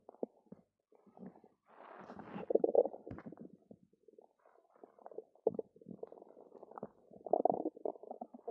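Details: Irregular gurgling, bubbling and squelching stomach rumbling (borborygmi) with brief gaps between bursts, after drinking two cartons of yogurt.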